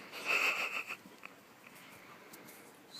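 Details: A dog needing to sneeze makes a squeaky, whistling nasal burst that stays stuck for a while and never becomes a full sneeze, then goes quiet.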